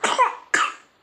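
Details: Two short, high-pitched coughs from a feverish infant with a cough and cold; the fever is described as heavy, later easing.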